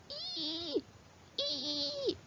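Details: Imitated wheeze, a whistling breath sound demonstrated in a teaching context on emergency approach to the dyspneic dog.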